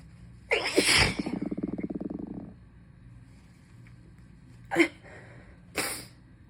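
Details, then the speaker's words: Congested sneezing: a strong wet sneeze, a fluttering nasal exhale, then two shorter sniffs or sneezes from a sick adult who is still feverish, croaky, congested and coughing, in a long sneezing fit. "Oh, they keep getting so stuck. And it's pissing me off. Because I need to sneeze really bad."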